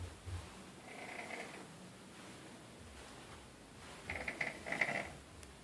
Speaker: show you guys a snore.